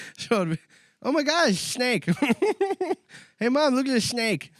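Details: Adult man imitating the S impediment he had as a child, since outgrown but occasionally recurring; lisp (imitated).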